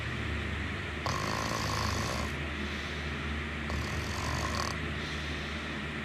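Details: Snoring during sleep: two rough, noisy breaths with a low rumble over steady room noise.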